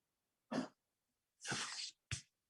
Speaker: you guys hear that? Is my cat coughing?